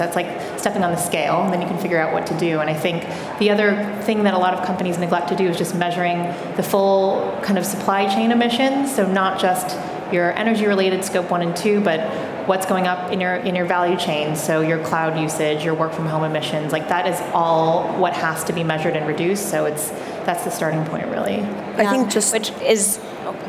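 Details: Adult woman speaking; Normal voice.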